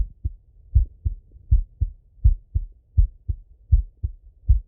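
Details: Steady, regular paired lub-dub heartbeats at about 80 beats a minute, self-recorded full stethoscope auscultation of a male, sitting at a desk or lying in bed: normal heart sounds.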